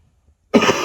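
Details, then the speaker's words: A single abrupt cough from an adult man who says he is feeling unwell, recorded in a quiet room during a podcast. "like i said i don't feel the best you can hear me coughing and also so this podcast isn't going to go for much longer than this"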